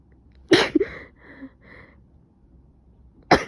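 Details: Sudden explosive sneeze, a short breathy sniffle, then a second sharp sneeze, from someone who suspects another cold after waking with a stuffy nose, coughing, severe headache and now a fever.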